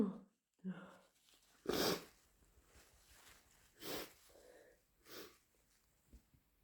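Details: Three sharp, explosive sneezes with wet, snuffly breathing between them in a quiet room; repeated sneezing with a runny nose.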